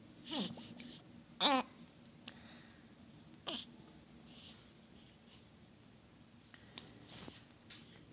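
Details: Infant hiccups, a normal finding: short, abrupt catching sounds at irregular intervals, about four over eight seconds, between soft baby vocal sounds.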